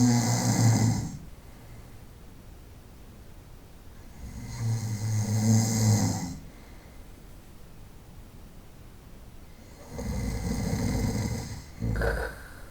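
Three loud, rough breathing sounds in about 13 seconds, with quiet gaps between them. Roughly 12 breaths a minute, heard as snoring in sleep.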